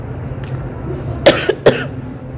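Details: Two sharp, dry cough bursts close together, an irritant cough after eating spicy chili snacks, over low room hum.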